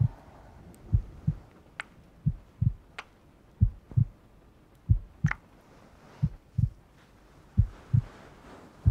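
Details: Simulated heartbeat sound in a furry ASMR roleplay with thunderstorm and rain ambience: soft paired lub-dub thumps at roughly 60 beats a minute, with faint rain and scattered clicks behind.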